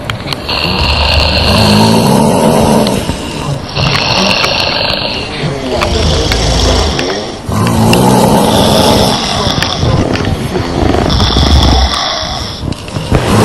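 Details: Five women, sisters and their mother, napping together at a sleepover: loud, overlapping rasping snores rising and falling with each breath in a noisy room; snoring.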